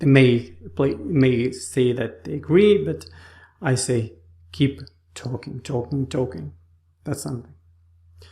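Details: Aphasia after stroke in an adult man in rehabilitation with therapists; speech like a two-year-old's on waking after the stroke; trouble finding names and words.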